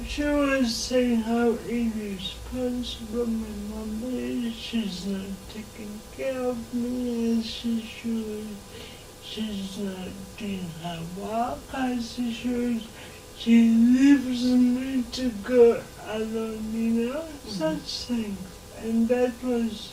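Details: Dysarthria in a 26-year-old woman who has lived all her life with cerebral palsy and says she learned to talk later than other children.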